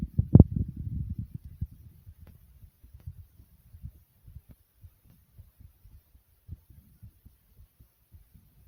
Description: my short heartbeat sound fast beats yet soft.